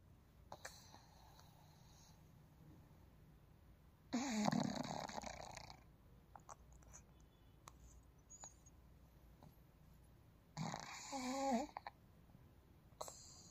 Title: snoring is my superpower. #google #pug #snoring #funnyvideo #blackpug #doglovers #puglife #cute